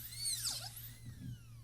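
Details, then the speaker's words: High-pitched dental drill whine dipping in pitch as the bur cuts tooth, over low room hum; drilling a hole at the facial wall, then the lingual, during a distal-occlusal (DO) amalgam cavity preparation demonstration. "Drill a little hole. And cut away from the facial wall. I'll do the same thing on the lingual side."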